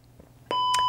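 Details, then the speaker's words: Soft click, then a steady electronic tone as a LifePak 12 cardiac monitor-defibrillator is switched on; a normal power-on beep. "So the first thing is how we turn the monitor on. Click on,"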